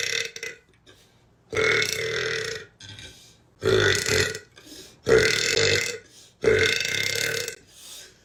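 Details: Tattooed young woman giving four long, loud, deep rumbling belches about a second each, with short pauses and softer breaths between: repeated burping.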